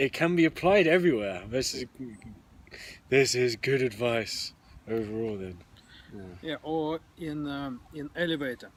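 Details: Real stuttering (stammering) in a podcast co-host who openly discloses that they stammer.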